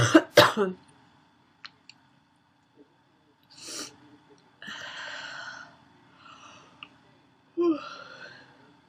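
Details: Female: two harsh barking coughs, then wheezy, whistling breaths in and out between quieter sounds; wheezy barking cough.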